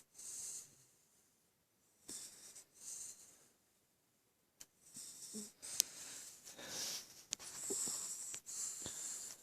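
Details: Female West Highland White Terrier fast asleep: hissy, whistling snores in repeated bursts about one a second, with short snorts between; snoring.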